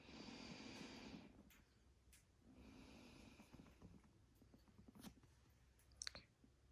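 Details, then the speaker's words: Stethoscope lung auscultation over the lower lobes of the front chest while the patient takes deep breaths on command; normal breath sounds, no abnormal lung sounds noted. "Okay, we're going to move down to the lower lobes. Respira profundo. We are listening for any abnormal lung sounds."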